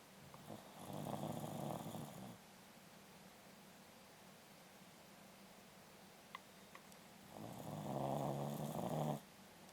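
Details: Corgi snoring during sleep: two long rumbling, vibrating snores several seconds apart.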